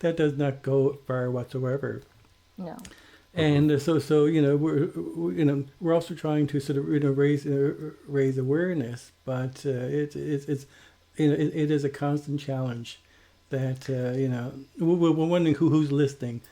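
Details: Self-described person who stutters, speaking as a podcast co-host; stuttering.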